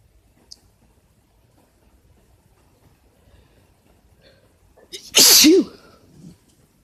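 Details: Adult male (boyfriend) gives a single loud, explosive sneeze with a voiced tail, followed by a soft breath; cause uncertain, possibly allergies or a cold.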